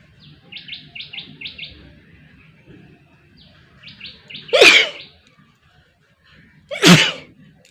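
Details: Sneezing in a requested sneezing and nose-blowing challenge: two sharp, explosive sneezes several seconds apart, with bird chirping in the background.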